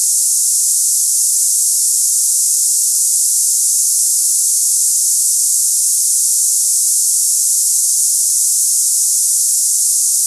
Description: Cicada hissing sound tinnitus sample for people experiencing ringing ears, buzzing sounds, hissing in ears, or cicada-like tinnitus noises.